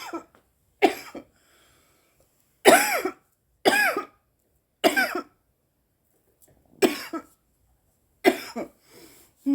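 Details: Woman coughing after inhaling from a cannabis vape pen: about seven sharp, harsh coughs in short bursts with silences between.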